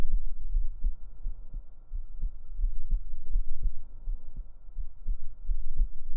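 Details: Real heartbeat recorded up close on the chest with binaural microphones for a relaxation recording: deep, muffled, steady beats at about 70 per minute under a low hum; a normal heartbeat.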